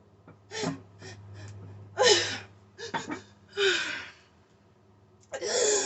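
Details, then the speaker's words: Tic attack in a person trying new MMJ RSO tincture drops: shaking spreads from the arms or feet to hard leg kicking, the jaw locks, and breathing is disrupted; sharp gasps and strained involuntary vocal bursts with no speech. "So I couldn't talk anymore because my my jaw locks up when it's happening. I have to get my composure. It's still messing with my breathing."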